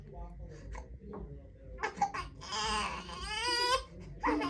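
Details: Infant with right head tilt during first chiropractic adjustment, light contact on cervical spine: soft fussing builds into a loud sustained wailing cry of rising and falling pitch, with adult murmuring in a small room; infant cry.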